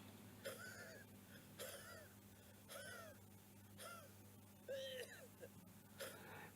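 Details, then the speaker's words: About six weak, muffled cough efforts with a strained, wheezy tone, as in patients with airflow obstruction, e.g. asthma, where expiration is obstructed and coughing is very difficult; muffled cough. "Esto se da en pacientes que tienen obstrucción al flujo aéreo, como por ejemplo puede ser un asmático donde hay una gran obstrucción para la expiración y el toser es muy difícil."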